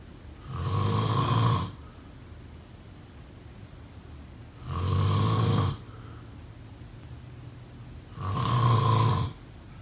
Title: Snoring sound … #5